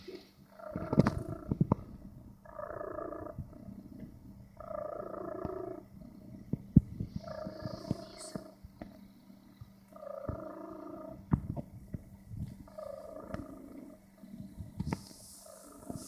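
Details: Sleeping cat snoring: soft, regular snores about 25 breaths a minute, with light background clicks.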